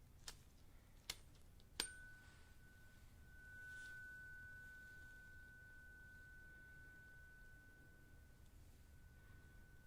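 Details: Tuning fork struck for a role-played (simulated ASMR) hearing test during an ear-cleaning exam; eyes closed, patient reports right or left ear; light taps then clear steady ringing tone slowly fading; tuning fork tone.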